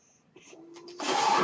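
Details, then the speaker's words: A home mechanical ventilator used by the podcaster while speaking: a faint mechanical hum and brief steady tone, then a loud rushing of air as it delivers a breath. "That noise you're hearing is my ventilator, and welcome to Page Turners They Were Not, my Star Wars podcast."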